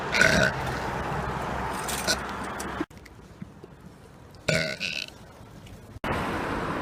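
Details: Person burping in public as a prank, outdoors: a long, loud, rumbling burp against traffic noise, then quieter surroundings and a second, shorter belch.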